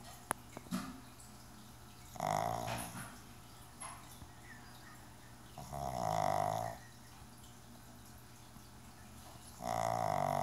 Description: My pug loves to rest his head on the table's edge so much that he falls asleep and even snores.